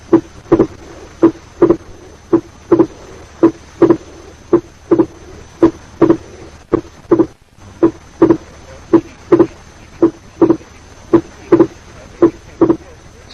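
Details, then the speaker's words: Wide splitting of the second heart sound, heard in the pulmonary area. "Listen to the wide splitting of the second heart sound, which of course is heard in the pulmonary"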